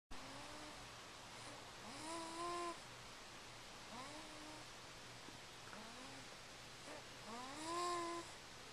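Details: Recorded with a Flip Video camcorder: repeated tonal, rising, whistle-like snores about every two seconds, roughly 30 a minute, over steady low room hum; snoring.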